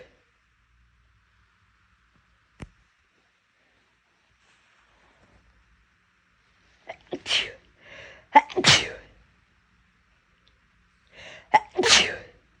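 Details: Three loud, explosive sneezes, each preceded by a quick sharp inhalation, in a quiet room; sneezes deliberately induced to relieve an irritated nose: sneezing.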